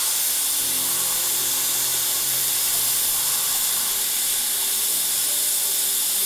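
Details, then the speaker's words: Steady high-pitched hiss and whine of a dental handpiece over a faint low hum, as an occlusal finishing bur shapes the anatomy of a new composite filling on tooth #14 in a 39-year-old patient. "for me my favorite finishers is the occlusionator it helps me create really beautiful occlusal anatomy so we're going to start the finishing process"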